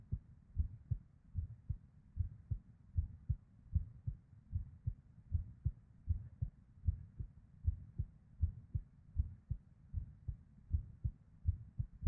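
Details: Irregular heartbeat of a female, around 75 a minute, with uneven spacing, occasional early beats (PVCs/ectopics) and soft whooshing murmur (blood-flow) sounds between beats.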